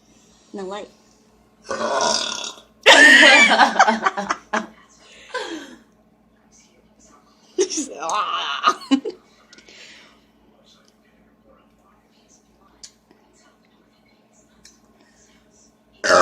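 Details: Deliberate burping in a burp challenge after gulping Coca-Cola Zero: several loud, drawn-out voiced burps, with brief talking and laughter around them.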